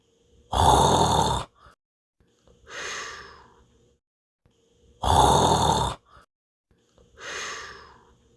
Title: Dinosaur Minion will Snore